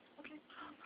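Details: Newborn girl 1 hour after birth gives one brief, high, nasal two-part burst: a big sneeze.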